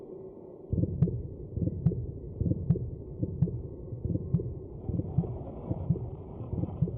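Steady, regular low thumping heartbeat at about 71 beats a minute with soft whooshing between beats; an early embryonic heartbeat.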